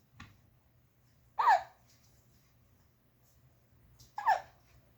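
Two short, sharp hiccup sounds about three seconds apart in a quiet room: hiccups.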